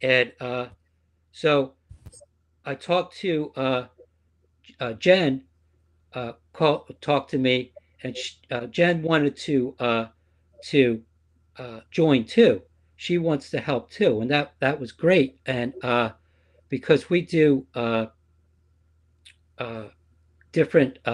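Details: Aphasia after stroke in a female support-group member; speech shows word errors.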